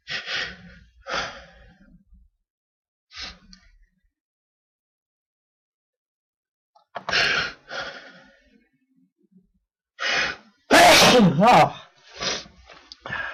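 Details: Natural, unprovoked sneezing fit caught after two days of waiting: a run of sharp, breathless sneezes with gasping in-breaths between them and one loud explosive burst near the end.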